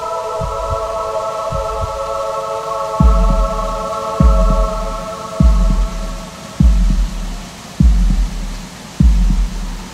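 Steady, slow, deep heartbeat, about 50 beats a minute, under soft droning music.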